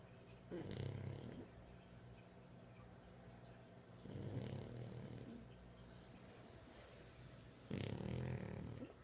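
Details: Pug dog with three low, rumbling snores about every 3.5 seconds against steady room hiss; snoring.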